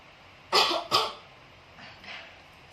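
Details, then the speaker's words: Acted nursing demonstration: a woman unable to bring up phlegm for days takes deep breaths, holds, then gives two forceful, breathy huff coughs followed by soft breaths out, an effective cough to clear phlegm. "Nanti batuk, jadi dahaknya keluar dengan batuk ya."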